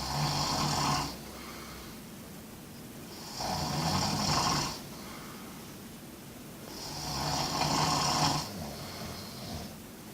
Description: My Camino journey in dormitories, with soundtrack.